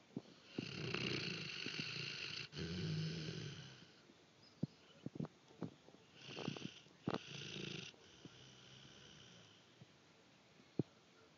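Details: Snoring from Wally, a sleeping dog, recorded on an Android phone, much louder than before: loud, rough, rattling snores, a softer snoring breath near the end, occasional clicks.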